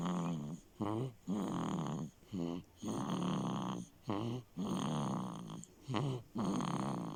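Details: Heavy snoring, said to run in the family from his dad: loud, rattling, steady, rhythmic snores on both breathing in and out, about 17 breaths a minute.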